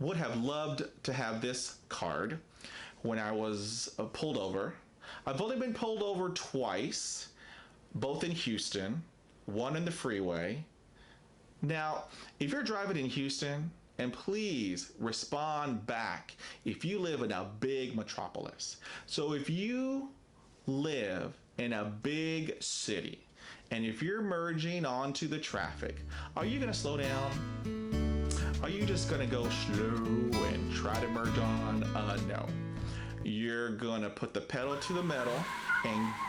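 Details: Stuttering in an adult man who describes himself as a person who stutters, with many prolongations, blocks, facial tics and effortful speech.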